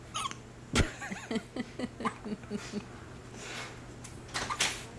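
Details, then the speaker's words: Baby boy with hiccups, which he gets almost every time after nursing and gets a little gassy: soft, short catching sounds about every quarter second over a steady room hum. "he likes to get um the hiccups he does this almost every time after he nurses"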